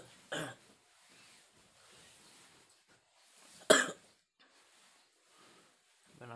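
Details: Adult man at dawn, feverish with masuk angin in the rainy season, getting kerokan (coin scraping) from his wife: two separate sharp coughs with quiet breathing between.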